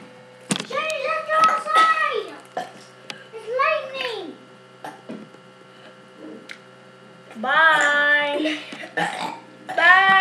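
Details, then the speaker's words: A person burping: several loud, drawn-out voiced burps with rising and falling pitch, separated by pauses in a small room; repeated belching. "right now um david is going to be doing a burping contest so well not a bourbon condo it's just going to be burping"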